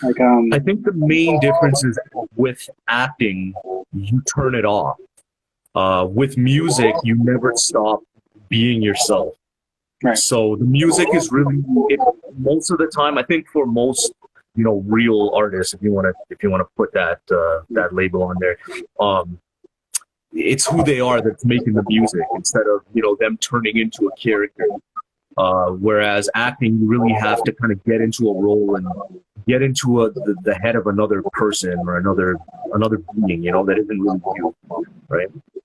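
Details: Adult male speaker; ordinary speech.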